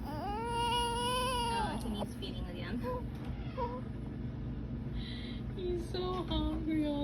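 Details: A baby boy, who may have a cold and had been sneezing, cries with a drawn-out wail and then shorter whimpers over steady car or fan noise: infant crying.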